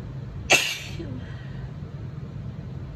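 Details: Adult female's spring allergy sneeze with a tickly, runny nose since morning: a single sharp sneeze over steady room noise.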